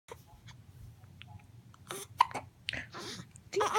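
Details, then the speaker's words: Newborn boy, awake in the morning, with hiccups: several short, abrupt hiccup sounds mixed with small breathy noises. "You have the hiccups. You used to get the hiccups in Mommy's tummy all the time. Stinking old hiccups."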